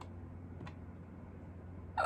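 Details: One fainter catch, then a single sharp, brief hiccup near the end over quiet room hum, in a person who had hiccups for the first time in a long time; hiccups.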